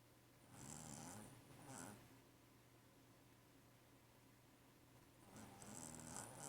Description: My cat Nala has allergies as she's a purebred siamese, so she snores really loudly.